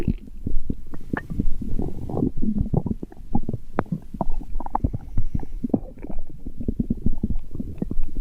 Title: My stomach growling #kawaiistuff #cute #toocutetohandle {🧠}